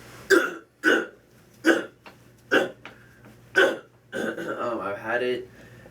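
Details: Male patient with Tourette syndrome whose severe vocal tic is a deep, uncontrollable throat clearing, along with eye rolling; he is treated with a dental (GNM) treatment.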